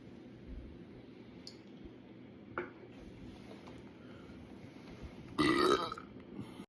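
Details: Relaxing and playing with the belly, chugging a drink: low background noise, a faint click, then a short loud belch near the end; an ordinary burp.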